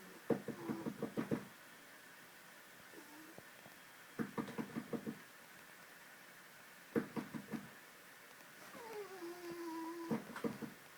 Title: Zadko the Cat snores while sleeping haha